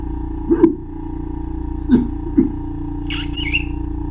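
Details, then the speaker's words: Touching the ear canal sets off a severe ear cough reflex through Arnold's nerve (auricular branch of the vagus nerve), with three short, sharp coughs over a steady equipment hum. "Uh it is the arular branch of the Vegas nerve or the eponym is Arnold's nerve here is his ear cough reflex rather severe"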